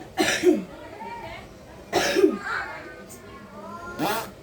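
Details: Person coughing for about a week and now recovering: three separate loud, short, harsh coughs.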